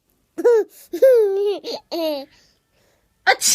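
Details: Baby laughing at mother's sneezing sound: high voiced laughter-like bursts ending in a sharp hissing sneeze-like burst.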